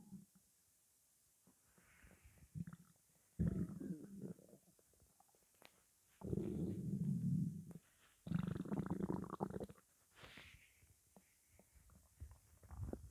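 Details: Stomach growling from morning hunger: soft, low rumbling and gurgling bursts in a quiet room; ordinary borborygmi.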